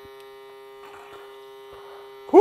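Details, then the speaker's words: Navage powered nasal irrigation machine used by an adult with long-standing allergies: steady electric buzz with faint watery sounds as saline flows through the nose, with pauses to breathe. "so sometimes I like to just take it give it a second to breathe and then go back into it as as well this is actually coming through fairly quickly but sometimes it will take a little bit more"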